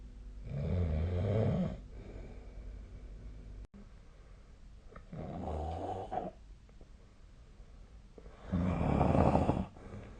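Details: Ordinary snoring during sleep, possibly tracked with a snore app (SnoreLab): three loud, rough snores on inhalation with quiet exhalations between them, about 18 breaths a minute.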